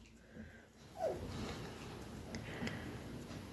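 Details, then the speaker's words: A dog that has a cough gives a brief snorting, honking cough burst, then noisy breathing in a quiet room; dog cough. "میرا کتا ہے جسے کھانسی ہے!!!!)"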